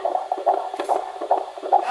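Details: Fetal Doppler at the 20-week scan: rapid rhythmic whooshes with sharp ticking valve clicks, heart rate within 110–160 and slowing as the moving baby calms; normal fetal heart sounds.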